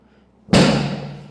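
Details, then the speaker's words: A single sharp thud as the raised lumbar drop section of a chiropractic drop table falls when thrust upon, shown in a chiropractic room equipment demonstration. "जब ये ऐसे drop मारूँगा तो ये नीचे चले जाएगा।"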